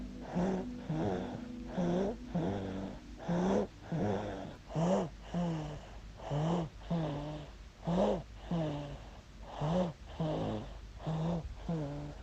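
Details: Baby boy aged 8 months snoring: regular rhythmic snoring with a low buzzing, about 39 breaths a minute, steady through the clip; infant snoring.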